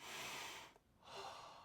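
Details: A harsh, hissing nasal breath in, a short pause, then a rough breath out; a snort with noisy nasal breathing from a person demonstrating nasal breathing strips.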